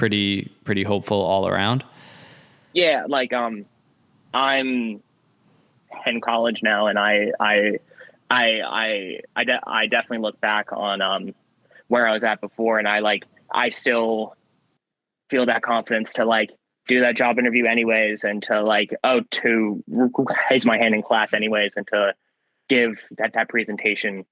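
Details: Young man with stuttering since about first grade, which returned in second grade after a traumatic event; has had speech therapy; hard vowel sounds hardest, worse with stress, first impressions and phone calls.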